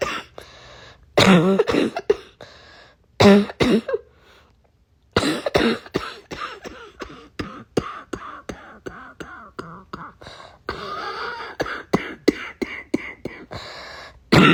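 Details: Congested cough from a cold with mucus in the lungs: two forceful, rattly coughs, then a long run of short, loose hacking coughs.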